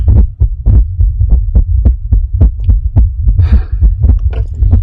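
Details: Adult female's anxious, irregular heartbeat in an ASMR recording with a visual EKG, fast and uneven at about 107 beats a minute under a steady low hum, with faint soft noises.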